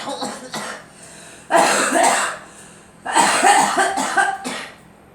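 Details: Adult coughing, attributed to allergies and drywall dust during drywall work, with trouble breathing; several short, wet-sounding cough bursts in two clusters with quiet gaps.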